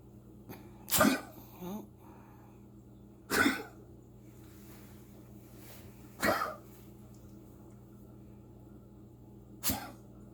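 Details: Dog coughing, recorded 1-7-20: four sharp, explosive coughs spaced irregularly over about ten seconds, with a steady low background hum.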